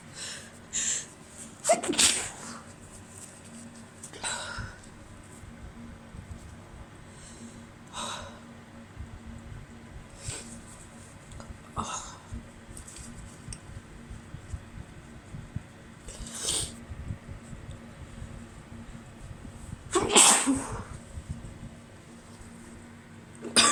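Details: Repeated sneezes from a woman, several stifled to avoid neighbours hearing, with sharp bursts and sniffing over about twenty seconds after a small amount of chhikni snuff with an irritated nose; allergy sneezing.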